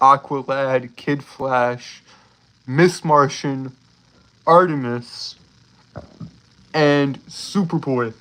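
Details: Adult male streamer with a self-reported speech impediment, stuttering.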